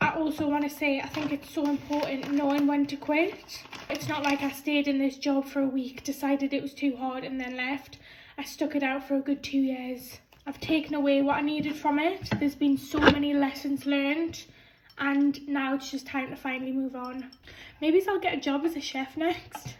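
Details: 26-year-old woman with a stammer since about age 5; stuttering (stammering).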